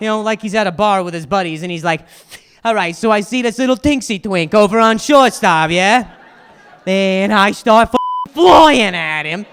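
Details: Stuttering in an adult male comedian, starting at age 20 after a softball hit his throat and a fall caused a vocal contusion and traumatic brain injury. He says he now stutters less; an audience member disputed this cause.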